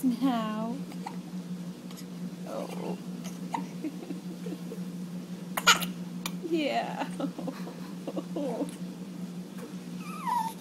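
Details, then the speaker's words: Several small, abrupt hiccups with a sharp sneeze partway through, under a steady low hum and soft talk; hiccups with a sneeze. "Oh, do you have the hiccups"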